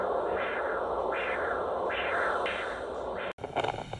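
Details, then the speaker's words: Handheld acoustic Doppler during postoperative free flap monitoring: rhythmic whooshing arterial pulses at about 80 a minute, with the constant hum of nearby venous flow between beats. This is a pulsatile arterial Doppler signal with venous flow. "he Doppler in this video you can hear the pulsatile sound of the artery but if you listen in the background between the pulsatile Beats of the artery you can also hear the constant sound of nearby vein blood flow"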